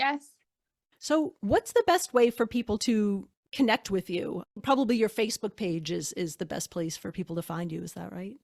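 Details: Adult woman; normal speech.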